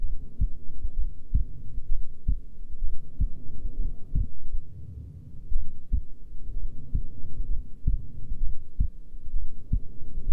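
Soft, regular low thumps at about 65 beats a minute over a muffled background; a normal resting heartbeat.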